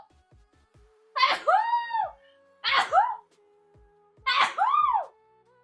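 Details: Italian allergic female streamer sneezing: three loud sneezes, each a sharp voiced burst with a falling cry-like tail, over a steady background hum and faint clicks.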